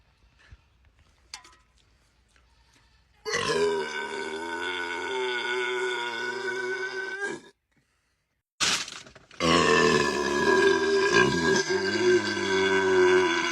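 Two long, loud, drawn-out burps with a rough, buzzing tone, a short silence between them.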